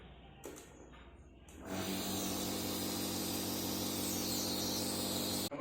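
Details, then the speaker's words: Clinical skills lab inhalation therapy demonstration: after a face mask is fitted snugly on the patient, the nebulizer switch is turned on, a click then a steady mechanical buzzing compressor hum; patient told to breathe normally, about 15 minutes. "apabila masih ternyaman kita dapat menyalakan saklar pada journal akhirnya"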